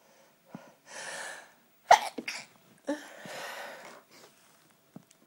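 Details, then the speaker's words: Sneezing fit recorded as a birthday greeting: a quick run of several sneezes with sharp breaths in between; the person says the sneeze keeps going away. "I need to sneeze and it keeps going away. Really annoying."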